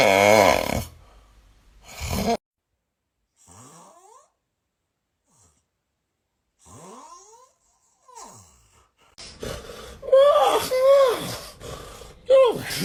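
A loud rough snort, then quiet gaps with thin rising whistles and squeaky, wavering tones on the breaths: noisy snoring with whistling.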